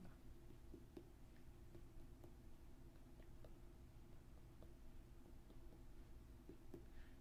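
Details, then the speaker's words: Faint, evenly spaced finger taps over the abdomen, done in four quadrants in two circles, with a hollow drum-like ring in a quiet room; normal tympany on abdominal percussion over air-filled organs. "the first thing is just general percussion and we should be hearing sounds that we refer to as tympani whichever's air and airfield organs"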